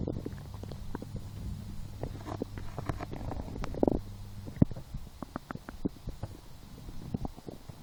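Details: Stomach growling in a lying person who skipped breakfast, had a small lunch and ate two doughnuts four hours later and felt hungry: low gurgling rumbles with scattered bubbling pops. Normal borborygmi.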